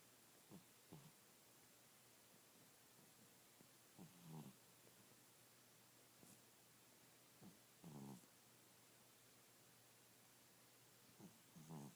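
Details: Bengal cat snoring during a nap: faint, soft snuffling snores, roughly 16 breaths a minute, with a steady low hum in a quiet room.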